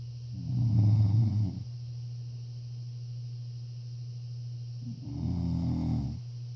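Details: Snoring during sleep: two deep, rattling snores about four seconds apart over a steady low hum.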